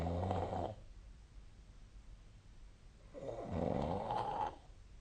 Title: 🐽 本日のイビキ / Snoring Sleep Sound 2025/02/16